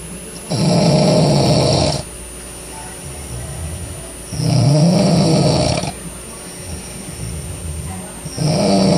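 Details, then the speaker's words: Adult man snoring loudly in his sleep, as he does every night: loud, harsh snores about every four seconds, roughly 15 breaths a minute, with quiet breathing out between them. "ah oh and that's how he snores every single night I have to live with this guy but he's cool but this is how he sleeps and he snores that loud every night"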